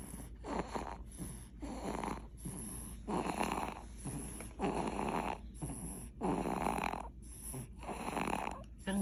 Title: Baby’s snoring 😴 #shorts #mybaby